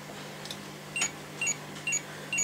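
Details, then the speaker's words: Brand-new pressure-relief air mattress alarming for low pressure, hoses checked and seeming fine: repeated short high-pitched electronic beeps; pressure-relief mattress low-pressure alarm. "so it's beeping we don't ever want to see this the brand new plumbing mattress is alarming is tired tummy is low pressure"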